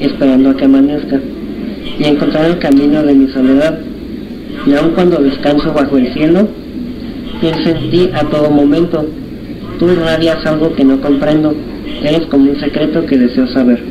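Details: Patient treated since early childhood for cleft lip and palate, reading a text aloud; clinician notes a slight nasal sound audible to careful listeners but no intelligibility problems: mild hypernasality.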